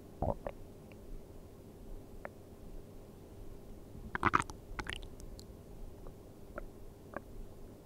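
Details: ASMR of stomach sounds while sleeping on an empty stomach: soft gurgles and squelching rumbles at irregular intervals, with a brief louder cluster; normal bowel sounds.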